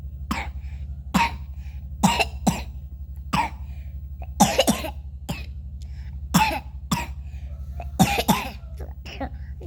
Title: Batuk adik bikin mamak panik tapi siangnya udah mulai aktif lagi main 2924(3)